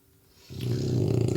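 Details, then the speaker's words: Loud snoring heard in the background; snoring. "crew you are really snoring dude"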